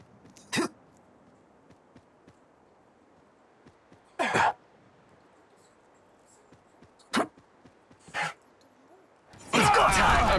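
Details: Person coughing while playing the video game Apex Legends: several short, separate coughs and throat-clearing bursts over about ten seconds, ending in a louder burst; game audio nearby.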